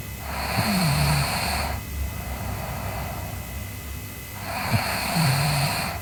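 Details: Sleeping girl snoring: two slow, rough breaths with a fluttering snore during each, over steady background hum.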